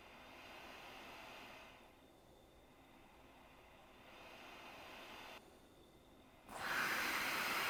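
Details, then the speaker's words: ResMed AirMini travel CPAP with AutoSet, mask held over nose: soft breathing airflow hiss, then a louder steady rush as the machine starts automatically once breathing begins; fairly quiet running. "as soon as i start breathing in it uh the machine turned on and as you can probably hear the machine as a whole is actually pretty quiet"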